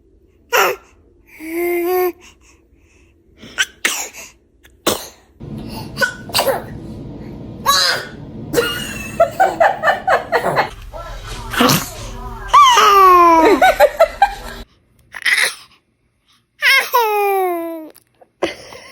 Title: The most most most cute baby sneezing video.